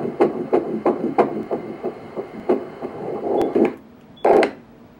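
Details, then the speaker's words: Rapid rhythmic whooshing pulses on colour Doppler ultrasound: fetal heartbeat at 9 weeks in a pregnancy after successful treatment; mother on heparin. "这是心血管炎治疗成功的一个个案，现在是9周。两只手，两只脚，这心跳好大哦，头在这边，彩色版。"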